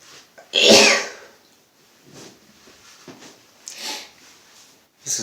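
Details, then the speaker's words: One loud, forceful sneeze, then sniffs and another sneeze starting, from a man sneezing nonstop since the morning with a headache; he blames allergies, though the weather is chilly. "very weird sneezing into the camera it's kind of bizarre"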